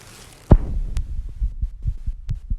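Fast, regular low thumps of about 220 a minute after a loud knock, a heartbeat racing after exertion.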